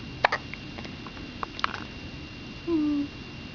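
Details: Newborn baby girl hiccuping on the day she was born; she often had hiccups in the womb: several brief, sharp hiccups in a quiet room, then a short soft vocal sound.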